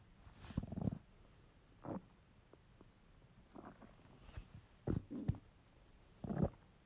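Low gurgling rumbles in short bursts against a quiet background; stomach rumbling from hunger, a normal finding.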